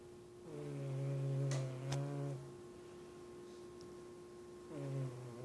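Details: A sleeping cat snoozing through the day gives two long, low, buzzing snoring breaths over a steady room hum: harmless snoring.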